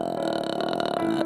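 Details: Vocal fry (creaky voice) in a woman, appearing unintentionally during mild vocal fold inflammation (laryngitis) from hay fever; swollen vocal folds can cause this symptom.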